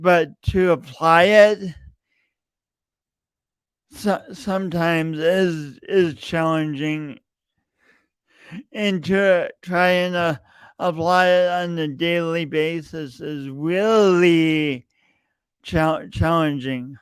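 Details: Adult male podcast host with a long-standing speech impediment he denied for years, present every time he speaks; repeated words throughout; stuttering.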